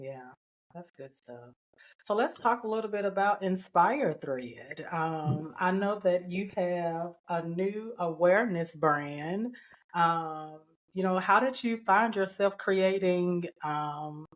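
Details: Adult woman speaking; typical speech.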